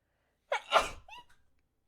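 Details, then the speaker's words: Gamer who announces "I need to sneeze" mid-game: a brief indrawn breath, then one explosive sneeze trailing into a short voiced breath out. "I need to sneeze. Bless you."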